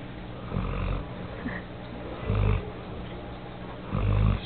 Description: Nala at 7 months. Snoring.